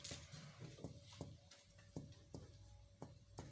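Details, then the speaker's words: Normal resonant percussion note over the lung apex, from light percussion moving from dullness toward resonance along lines from the sternoclavicular joint to C7 and from the mid-scapular spine during chest examination. "ايه؟ ريزونانت، وده النورمال بتاعي."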